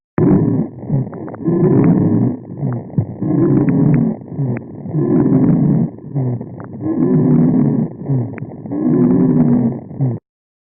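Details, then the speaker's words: Asthmatic patient recorded with an ACM stethoscope: repeated breaths with musical, whistling wheezes on both inspiration and expiration. "so as you could see there were visas during the inspiration and expiration which Echo was not able to uh to capture"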